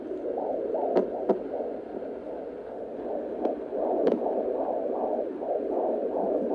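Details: Fetal heartbeat on Doppler in a pregnant woman carrying a girl who kicks a lot: fast whooshing pulsing, roughly 150–180 a minute, with a few sharp bumps from movement.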